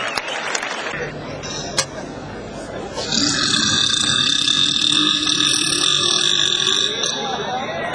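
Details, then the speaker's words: A long, loud, sustained burp lasting several seconds during a burping contest, following quieter room noise and a brief voice; burping. "lui passa comando di Potenza lo sapevamo lo aveva lo aveva nello stomaco rotto giusto grandissimo"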